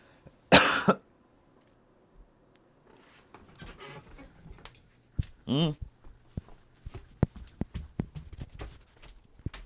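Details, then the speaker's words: An adult streamer gives a single loud, harsh cough, then throat clearing and wet hawking as phlegm is coughed up rather than swallowed: productive cough. "I just apologize you had to hear that. I coughed up something. I didn't want to swallow it."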